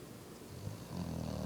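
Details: Short, low, fluttery snore with lip-blubbering from a Boxer dog asleep on the floor; snoring.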